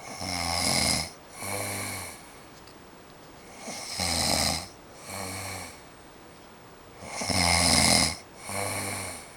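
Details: Man snoring in the dark: loud, rattling snores on each breath in, softer snore on each breath out, about 19 breaths a minute; not this loud every night.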